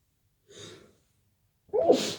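A sharp indrawn breath, a pause, then a forceful sneeze during a head cold.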